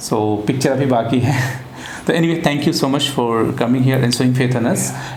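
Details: Adult man speaking; ordinary speech.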